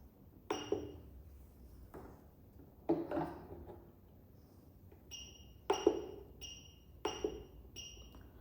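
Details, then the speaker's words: LCS 191 laser therapy physiotherapy machine: knob clicks and bright short keypress beeps as each digit is entered on the control panel. "To start the therapy, you just have to press the knob. Please observe the laser beam. To stop the therapy, press the knob again."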